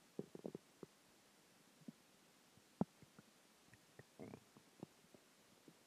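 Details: Stomach growls (borborygmi) from a combination of dinner, water and gas: scattered low gurgles and short rumbling bursts over quiet room noise.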